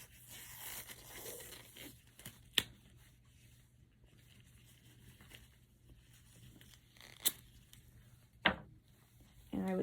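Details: Several short, sharp ripping sounds in a quiet room as tape strips are torn to secure an ABD pad over moist gauze during a wound dressing change with irrigation.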